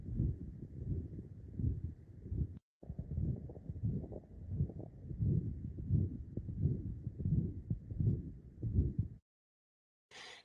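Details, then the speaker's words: Severe tricuspid regurgitation in a real patient: a blowing murmur at about 80 beats per minute that grows louder with inspiration, first with quiet breathing in and out, then with purposeful deep inspiration. "this is a patient just breathing in and out here get louder [Music] and then here here it is with we're purposefully asking them to breathe in [Music]"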